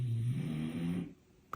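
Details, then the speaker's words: Dog asleep on a dog bed across the room: a single low, rumbling snore fading into quiet room noise; ordinary dog snoring. "can you hear him snoring hold on let's [Music] listen that's not me y'all"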